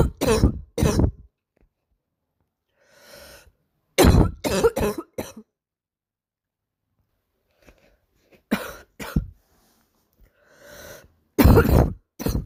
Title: coughing girl barking cough